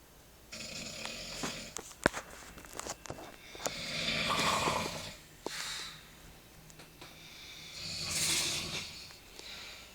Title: Snoring people:)